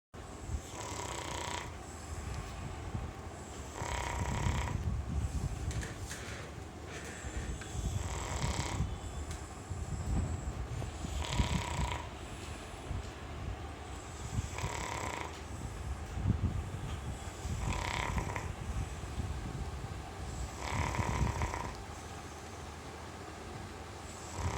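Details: Sleeping pet dog snoring loudly with rattling snores in a steady breathing rhythm.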